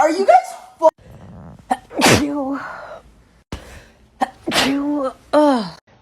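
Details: Several sharp explosive sneezes, each with a quick in-breath before, mixed with voiced exclamations; sneezing, from a short sneezing compilation.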